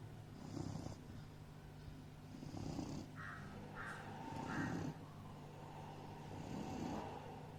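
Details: Doberman snoring in sleep: soft, rumbling snores in a slow, uneven rhythm, about four in eight seconds, over steady room hum.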